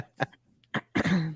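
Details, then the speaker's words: Adult with an allergy cough: three short, dry cough bursts, the last longer and voiced, picked up through a podcast microphone. "I have an allergy cough I'm trying to mute my mic when I when I cough but apparently you could hear it through Scots Mike sorry about that"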